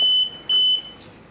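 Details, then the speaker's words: Two loud high-pitched beeps from a ventilator apnea alarm in pressure-support mode (5 cmH2O), sounding because the patient is not breathing; after 20 seconds the ventilator gives backup ventilation. "es un paso porque el paciente no está tirando cananea y la alarma está funcionando en segundos segundos"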